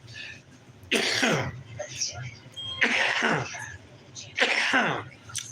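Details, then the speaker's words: Adult man coughing just after picking up a cigarette with his morning coffee: three harsh, wet-sounding cough and throat-clearing bursts with faint room noise between. "I just picked the smoke up, started coughing."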